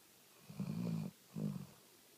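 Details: Sleeping hound snoring repeatedly: two low, rumbling snores in quick succession in a quiet room.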